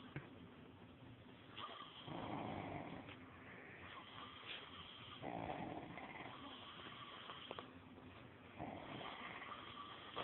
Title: I snore and face paint.